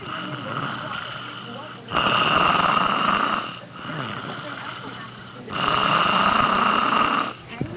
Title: Mom Snores the Night Away